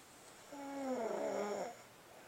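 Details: A single drawn-out, tonal rattling breath lasting about a second in a quiet room, likely from a sleeping animal: snoring.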